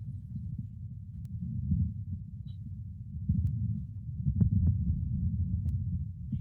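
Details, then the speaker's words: Ruminant chest auscultated over the lung fields with an electronic stethoscope: low, rasping, saw-like airflow swelling in and out, no crackles or bubbling, normal respiratory rate; normal breath sounds. "como escucharán, es como si fuera una especie de serrucho, como jala aire. En este caso no tiene estertores. Si tuviera estertores se escucharía un cierto burbujeo. Entonces, esta es una frecuencia respiratoria normal."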